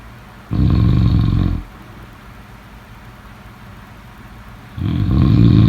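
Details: Snoring during sleep: two loud, low, rumbling snores on breathing in, about four seconds apart with quiet exhalation between, roughly 14 breaths a minute.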